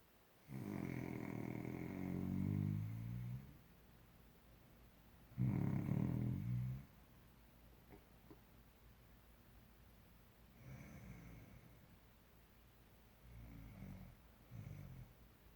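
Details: Spouse whose husband has been imitating their snoring: loud, rough, low rattling snores on inhalation, with quieter snores between; ordinary snoring.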